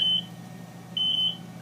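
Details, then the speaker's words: BiPAP ventilator audible alarm for a proximal pressure line disconnect: two high-pitched electronic beeps about a second apart over a low hum, signalling a current problem that stops once the line is reconnected. "now we have an audible alarm and we can see the alarm message there proximal line disconnect"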